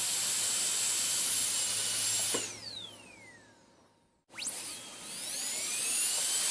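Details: Dental drill: a high-pitched whine winds down to silence, then spins back up to a steady high whine. Recorded as an ASMR on-and-off drill sound.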